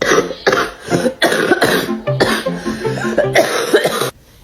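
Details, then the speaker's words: Adult woman with suspected COVID (lost taste and smell, flu, breathing difficulty the day before) deliberately forces harsh, repeated coughing bursts over a few seconds, with faint background music; says she feels better after a home remedy. "Regarde, je vais me forcer à tousser comme ça."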